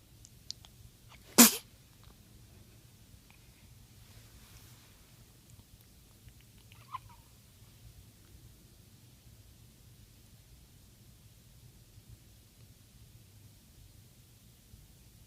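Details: Newborn's sneeze: a single tiny, sharp sneeze followed by a long quiet stretch with faint room hum.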